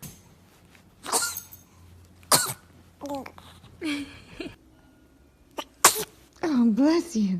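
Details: Compilation of babies sneezing: several short, sharp infant sneezes separated by pauses, with soft baby vocal sounds at the end.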